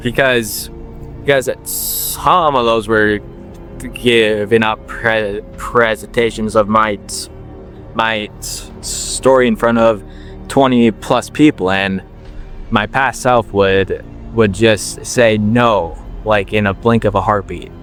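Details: 21-year-old man with a stutter since he could talk, worked on for years and helped by slowing down; word and part-word repetitions persist; stuttering.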